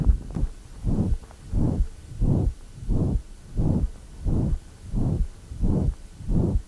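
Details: Holosystolic high-frequency murmur of an acquired ventricular septal defect in a woman in pulmonary edema, with crackles and a thrusting precordium, loudest just short of the apex.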